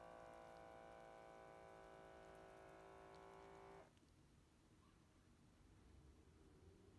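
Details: HYLOGY MD-H131 upper-arm automatic blood pressure monitor cuff inflating: steady motor hum of the pump cutting off sharply after about four seconds, then quiet as measuring begins; user quiet with arm held up.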